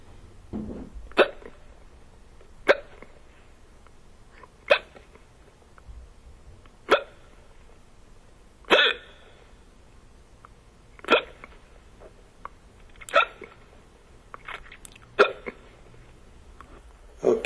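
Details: Woman during an attempted simple hiccup cure: sharp, brief involuntary hiccup sounds about every two seconds, roughly 30 a minute, in a quiet room: repeated hiccups.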